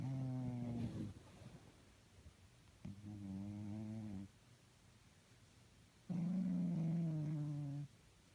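Three drawn-out, buzzy, tonal snores from a sleeping cat, each a second or more, with quiet breathing between.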